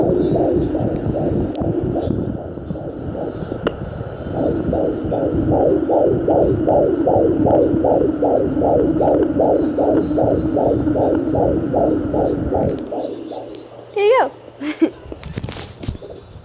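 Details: Rapid, regular whooshing fetal heartbeat at about 150 beats a minute, heard by a pregnant mother on a home fetal Doppler over her belly, then lost as the baby moves.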